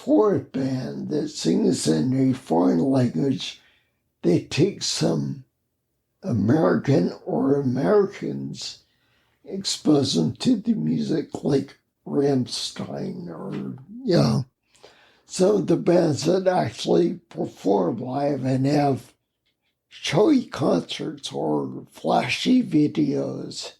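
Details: Adult man with spinocerebellar ataxia, a rare neuromuscular disease, with mobility challenges, speech impediment and noise-induced anxiety for over 20 years; ataxic dysarthria.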